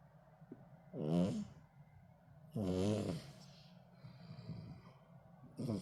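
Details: Soft, irregular, brief low rattling snoring breaths from a sleeping male cat rescued from the street in late autumn; cat snoring.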